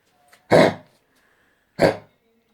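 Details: Dog with suspected canine influenza coughing; two harsh, forceful, dry honking hacking coughs, well apart.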